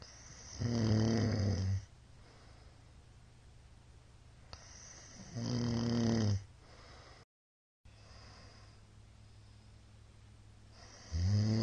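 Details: Older man snoring during sleep, recorded 2022-03-21: loud, deep, rattling snores on the in-breath, about 11 a minute, with quiet pauses between them.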